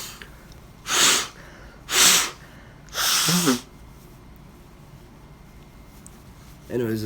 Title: Good morning sneeze